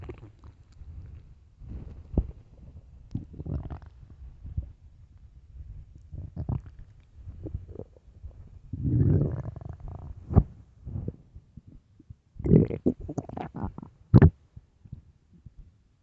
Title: extreamy hungry empty stomach growling loudly part 2